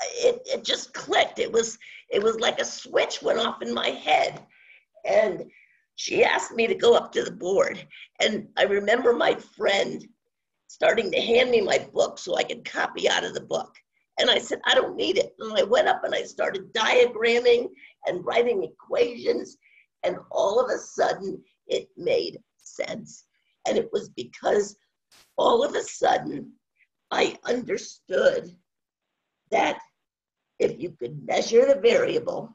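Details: Adult woman with spasmodic dysphonia, worsening since about 2010, no cure, treated with Botox shots; spasmodic dysphonia.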